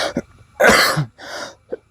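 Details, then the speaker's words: Adult man with a three-month recurring cough and vomiting (title says vomiting blood), doctor advised X-ray: two harsh coughs with a small throat sound before and after. "kasi ano na eh, tatlong buwan na tapos pabalik-balik 'yung ubo mo tapos magsuka ka."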